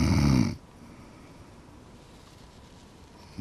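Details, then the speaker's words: Adult woman with severe sleep apnea, whose spouse says she stops breathing at night: one loud, low, rough half-second snore, then near silence in a quiet room; snoring. "she was snoring when you hear that snoring can you believe that's you it doesn't sound like a person i seem like something in the barn sometimes i wake myself up with the noise"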